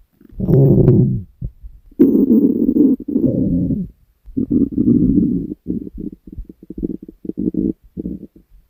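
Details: Female recorded while sleeping: loud, low gurgling rumbles with bursts of bubbling, stomach growling (borborygmi).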